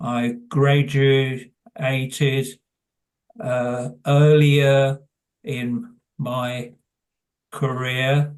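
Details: Adult man with primary progressive aphasia; hesitant speech heard; primary progressive aphasia.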